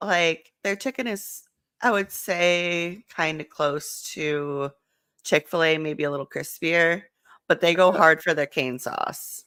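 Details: Adult woman speaking; ordinary speech.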